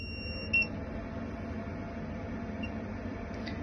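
Brief electronic beep from a medical laser machine starting up, over steady room hum; a normal start-up signal.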